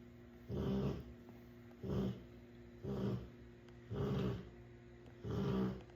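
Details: Rottweiler dog snoring while asleep, with snorts.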